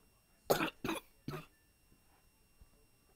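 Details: Three quick, dry cough bursts in a row, then quiet room noise, from a person who was sick during recording; a short coughing fit during illness.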